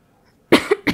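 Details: Acted cough from a voice-actor demo, performed by an adult in a panicked scene: a short burst of two or three quick, harsh coughs.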